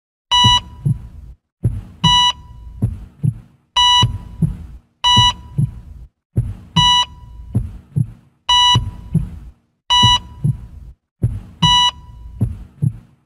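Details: Simulated heart monitor sound effect: a bright electronic beep repeating with low heartbeat-like thumps, separated by brief silences.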